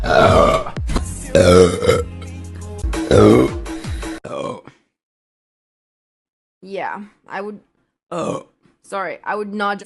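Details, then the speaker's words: Repeated burping: several long, loud, croaky voiced belches, then a few shorter burps after a pause. "Sorry, I had to get that out of the way while he's on here. I'm so sorry."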